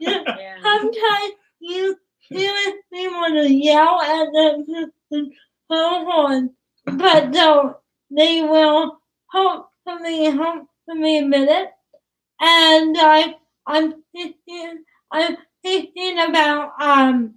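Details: Young woman about to turn 20 with cerebral palsy, whose speech is described as hard to understand, with trouble on plosive sounds such as p and b; dysarthria due to cerebral palsy.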